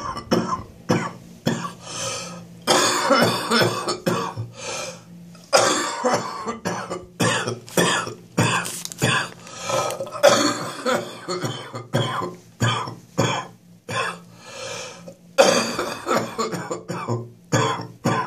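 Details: First morning coughing fit that woke the adult at 06:30, chest still quite bad: prolonged fit of repeated harsh, chesty coughs with throat clearing, loose-sounding; productive chest cough.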